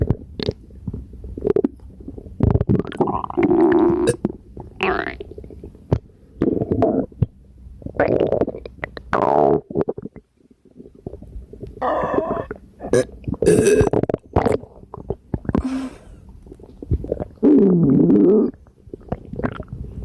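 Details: Loud, repeated gurgling and bubbling stomach rumbles from an extremely gassy, upset stomach with burps.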